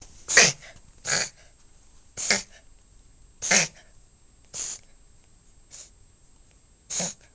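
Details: Dog in a reverse sneezing episode, described by the owner as reportedly harmless: seven short, harsh snorting bursts in quick succession.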